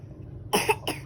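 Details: Child pretending to cough so that vitamins will be bought: two short, forced cough bursts, a deliberate fake cough rather than an illness cough.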